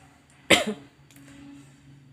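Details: Day two of flu with cough: a single short, harsh cough burst in a quiet room with faint background hum, an acute cough during a flu-like illness.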